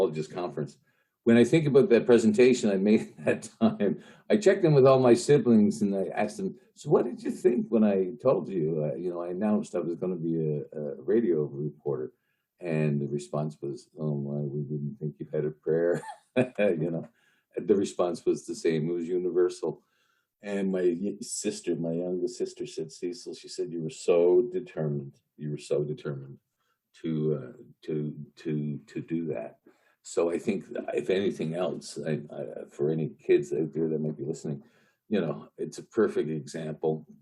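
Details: Adult man who stutters, formerly a covert stutterer, with repetitions and interjections; stuttering.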